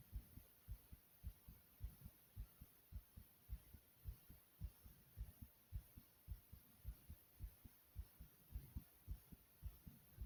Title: Racing Heartbeat And Heavy Breathing ❤❤